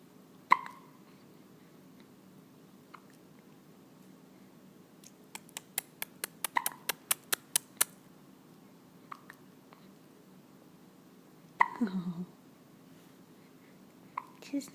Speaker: Oh, got some good hiccups.